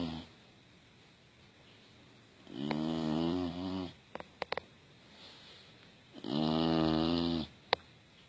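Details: Female English Bulldog sleeping cozy in a blanket, snoring: long, loud, throaty snores on inhalation, about 16 breaths a minute, with brief clicks between.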